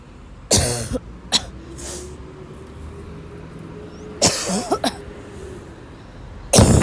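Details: Harsh, forceful coughs in bursts with noisy, gasping breaths between, about five in seven seconds, over a faint hum: a coughing fit in a young woman who woke up sick and had to leave class.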